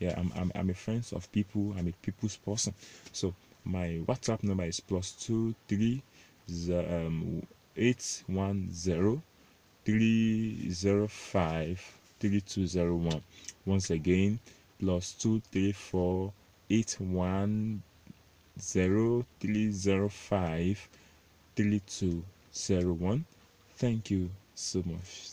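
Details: Stuttering (stammering) in an adult Nigerian male, self-described stammerer, while reading out digits.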